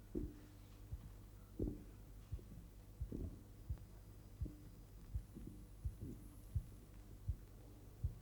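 Soft regular thumps at about 85 a minute over low room hum: Korotkoff sounds as the blood pressure cuff is let down.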